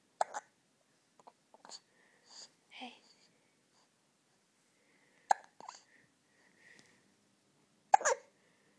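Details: Child with hiccups: several brief, sharp hiccup sounds at irregular intervals mixed with soft voice sounds; ordinary hiccups.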